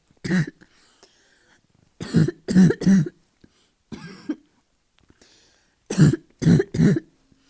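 About eight harsh, low-pitched coughs in clusters of one to three, fitting a barking asthma cough.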